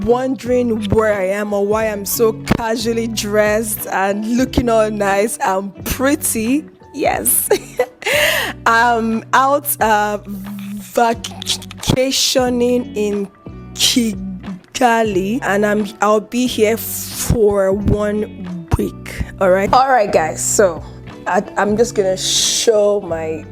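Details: Adult woman with a chronic stutter that involves involuntary eye and mouth movements; she controls it by gesticulating; her father also stuttered; stuttering.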